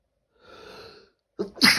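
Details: Late at night, a soft indrawn breath followed by a sharp, explosive burst; a single sneeze.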